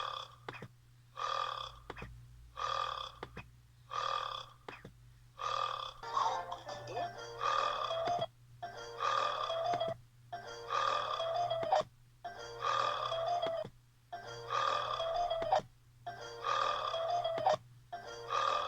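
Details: Burping from a burps compilation: a run of about ten long, drawn-out belches with short gaps, over steady background music and a low hum.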